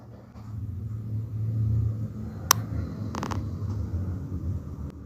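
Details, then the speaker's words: Rhonchi on chest auscultation: low-pitched, rumbling, snoring-like breath sounds, similar to wheezes but associated with secretions or fluid in the airways. "roncus, como pueden escuchar, es similar a las sibilancias, pero existe asociado a secreciones o líquido."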